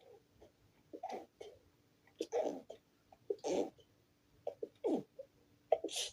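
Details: Stifled, held-back "achoo" sneezing fit: a run of short, muffled sneezes, several every few seconds, with quick catches of breath between them.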